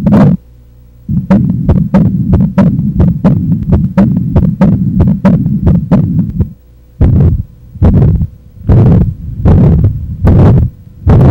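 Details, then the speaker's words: Demonstration of a murmur from a cardiac valve lesion: regular heartbeats at about 72 a minute with a continuous low rumbling whoosh filling the gaps. "vamos ouvir agora os seus correspondentes as principais lesões das valvas cardíacas"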